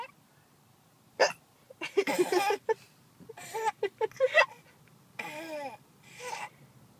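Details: A person with hiccups: short, abrupt hiccup sounds between voiced noises and a laugh-like sound; ordinary hiccups.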